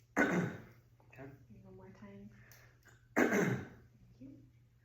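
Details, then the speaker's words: Two single, sharp voluntary coughs from an adult, produced on request during a head-to-toe assessment to clear mucus from the airway before stethoscope lung auscultation; the lung sounds were afterwards found clear and equal. "I'll now take your lung sounds going from top to bottom with my stethoscope, but I would like you to cough once or twice so that we can alleviate any mucus in the airway."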